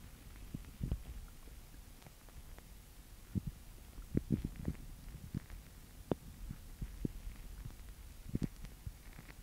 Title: Girls Upset Stomach Growling